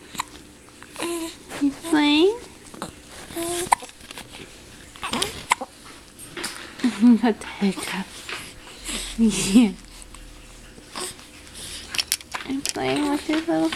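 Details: Infant making short, abrupt voiced hiccup sounds between soft coos after feeding; hiccups.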